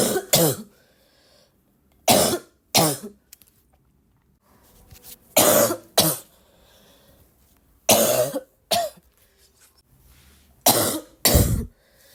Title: would you like to hear me cough all day?